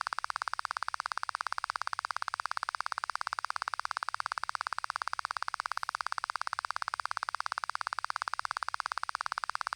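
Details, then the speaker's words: Rapid, very regular click stimuli at about 171 per minute from an auditory brainstem response (ABR) hearing test at a real Thai ear clinic, delivered at 90 dB, starting in the right ear and then switching to the left. "Bien, nous avons effectué un test en envoyant des ondes de 2000 fréquences afin de rendre le graphique lisible des deux côtés. Le test a été réalisé à 90 dB."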